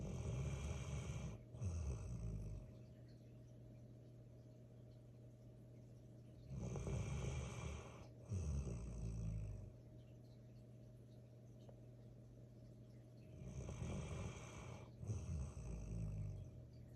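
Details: Golden retriever puppy (male) sleeping: three low, fluttering snores about six seconds apart, roughly ten breaths a minute, each in two rumbling phases; ordinary sleep snoring.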